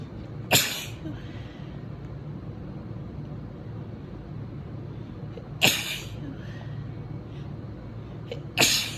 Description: You guys, I haven’t been this sneezy in so long! I’ve been having random little fits like this all weekend.